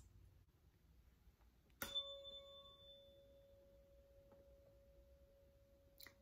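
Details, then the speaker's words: Normal Weber test on a demonstrator: a struck tuning fork rings with a clear, steady mid-pitched tone while placed midline in a quiet room, with the tone heard equally in both ears. "so i can hear the tones equally in both ears which is a normal weber test"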